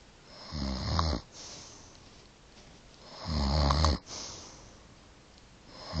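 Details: Grandmother snoring: two loud, low, fluttering snores on breathing in, with quiet breathing out between them, about 20 breaths a minute; ordinary snoring.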